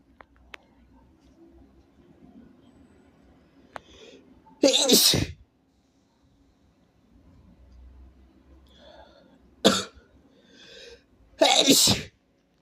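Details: Three big, forceful sneezes, each preceded by a quick catching inhalation, in a quiet room; the person has caught a cold.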